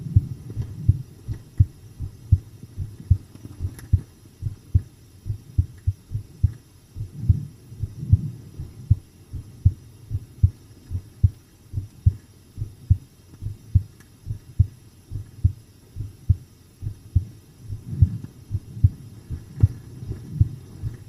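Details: Calm resting heart sounds recorded while relaxed with eyes closed: a steady heartbeat at about 70 beats a minute, soft low thumps and a faint background hum.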